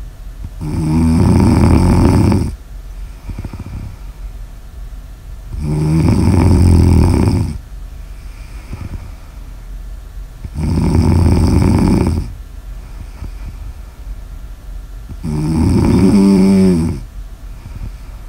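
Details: Snoring ASMR audio recording: loud rattling snore on each breath in, about 13 breaths a minute, with quieter breaths out between; snoring.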